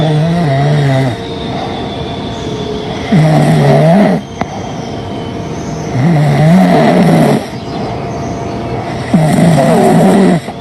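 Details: Loud, buzzy, rattling snores on each breath in, about 19 per minute, with quieter breathing out between them; snoring.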